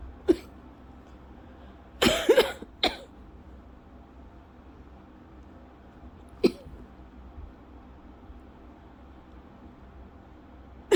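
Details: Lingering scratchy-throat cough over a month after illness, in a person with asthma, milder episode not triggering asthma cough: several short dry coughs, two close together then single ones; bouts up to 30+ minutes, about 8 times daily.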